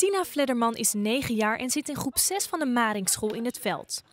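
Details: Adult female narrator; normal fluent speech.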